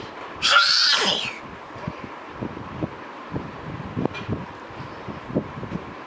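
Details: Sneezing in a person suffering from a cold: one sharp, high-pitched sneeze near the start, then quiet room noise.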